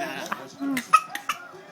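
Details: Infant who likes to fake cough for attention gives a few short, light cough-like bursts between soft vocal sounds; a deliberate voluntary fake cough.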